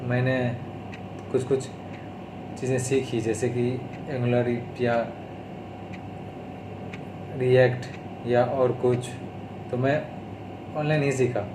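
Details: Adult man with stuttering (stammering), recorded on day 32 of speech therapy, speaking Hindi mixed with English.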